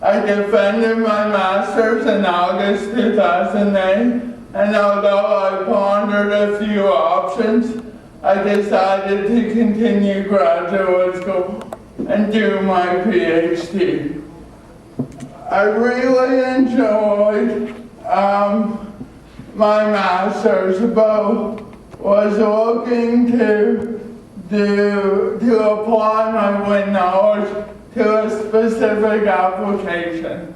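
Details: Adult man with cerebral palsy from oxygen loss at birth (umbilical cord around throat), a type involving muscle stiffness and irregular movements, noticed around age 1, after extensive speech therapy: dysarthria (cerebral palsy).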